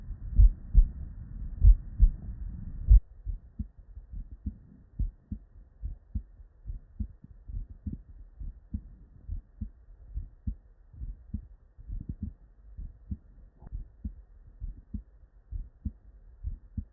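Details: Real, unedited bedside auscultation of a human heart with normal cardiac physiology: regular low lub-dub beats at about 48 a minute after a brief noisy start, normal first and second heart sounds (S1 and S2).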